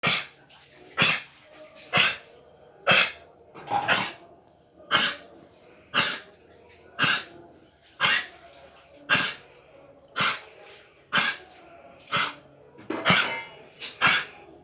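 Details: Dog with a deep, dry honking cough: repeated harsh coughs, about one a second, some doubled.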